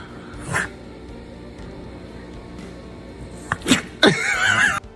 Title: Sneezing dogs 🐶 #foryou #pets #funnypets #funny #doggielife #cute #dog #fyp #usa #funnyvideo